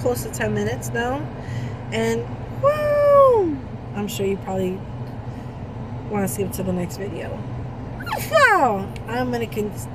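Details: Woman with Tourette syndrome during a tic attack, repeating words and interjections and reporting trouble speaking; vocal tics.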